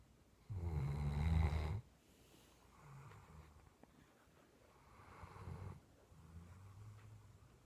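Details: Dog asleep after a long day, snoring: a loud, deep rumbling snore followed by two softer, low snoring breaths.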